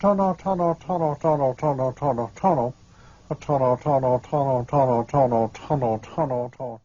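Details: Speaker in a well-known linguistics example of Broca's aphasia, a disruption of language production, replying when asked why he is moving; Broca's aphasia (recurring utterance).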